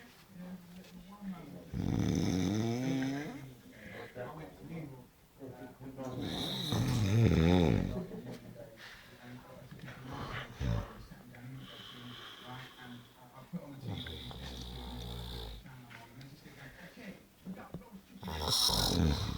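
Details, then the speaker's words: A man sleeping gives loud, rough snoring with deep rattling inhalations in long cycles, with talk in the room between snores; heavy snoring. "Listen to that cunt snore. That's terrible. Fucking hell."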